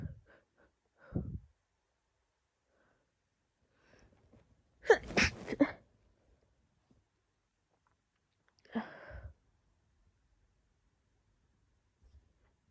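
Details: Sneezing fit from a woman reacting to her friend's dogs (dog allergy): short run of sharp sneezes with one strong burst and snorts and sniffs between; she says they sound unlike her usual sneezes.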